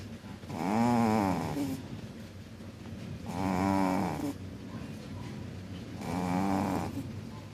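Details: Cat snoring badly: three loud, rattling snores at about 22 a minute, each over a second long, with quieter breathing between.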